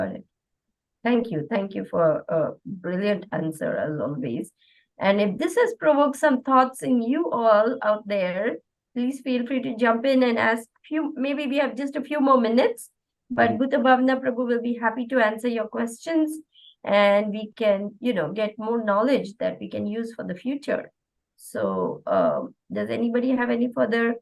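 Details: Adult woman speaking; ordinary speech.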